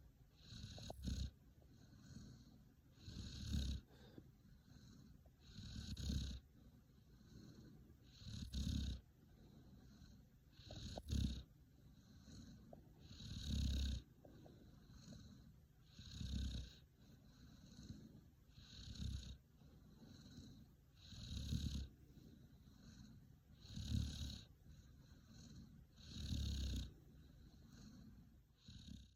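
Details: Regular low rumbling bursts with each breath, about 24 a minute, from a resting cat while her head is petted at night; owner unsure if snoring or purring, as it stops when petting stops; snoring.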